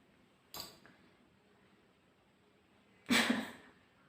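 A short faint burst, then a louder hissing sneeze about two and a half seconds later in a quiet room.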